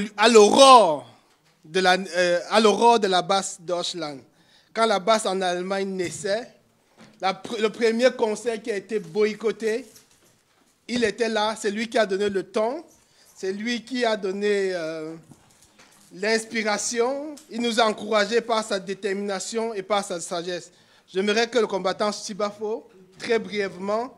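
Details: Adult man speaking French; Normal voice.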